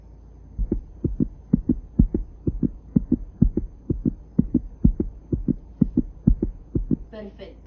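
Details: Normal heart sounds at the accessory aortic area, third intercostal space, heard on stethoscope auscultation in a cardiology lab practice: steady, regular, with no added sounds.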